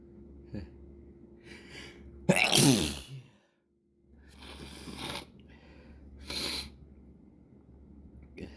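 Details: Three loud sneezes with brief inhalations before them, in a quiet room; a morning sneezing fit before breakfast.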